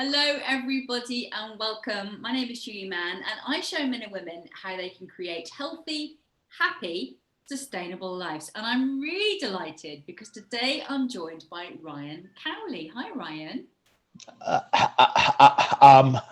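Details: Adult woman; typical speech.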